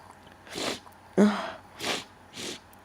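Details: Very powerful, wet sneezing: four forceful, snorting sneeze bursts in quick succession over a low room hum.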